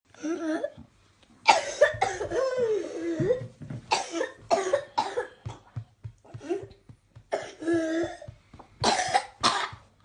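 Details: A child's repeated harsh coughing bursts with strained, high-pitched drawn-in breaths, typical of whooping cough (pertussis).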